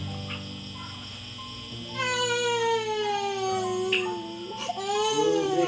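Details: 5-month-old baby with mild pneumonia, on the second day of medicines including an antibiotic, cries in long, strong wails with brief catches between them, over soft background music.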